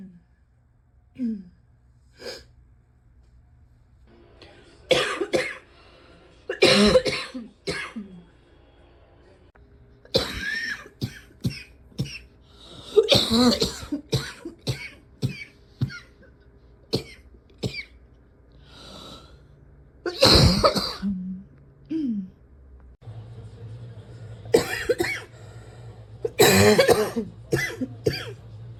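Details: Adult with a cough that is still bad: repeated harsh cough bursts and throat clearing in clusters across the recording.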